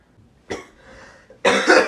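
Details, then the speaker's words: Acted comedy skit of coughing while trying to sleep: a short throat sound, then one loud, harsh cough in a quiet room. "I can hear you coughing I thought you might need some water so it could help you out here you go"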